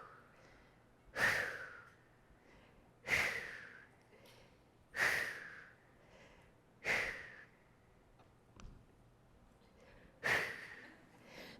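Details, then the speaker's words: Imitation of labored breathing at extreme altitude in Everest's death zone above 26,000 ft, five to ten breaths per step: heavy, forceful breaths about every two seconds. "At this elevation, you're starting to take five to 10 breaths for every single step. So, it looks a lot like this."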